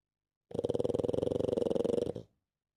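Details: A sleeping pug snores: one rapid, fluttering, rattling breath sound lasting about a second and a half.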